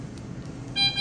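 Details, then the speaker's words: Ventilator alarm during a tracheostomy tube change, after the patient was suctioned and taken off the vent: a brief, high electronic alarm tone over a low machine hum. "Okay, so your vent is probably going to alarm on us, and I think that's okay. It did alarm last time, and she just suctioned you out."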